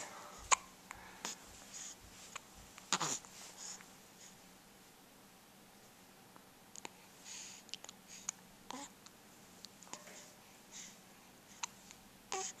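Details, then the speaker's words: Baby almost a month old with hiccups; repeated short, sharp hiccup clicks with quiet gaps between them in a quiet room; ongoing hiccups. "I have the hiccups they're annoying"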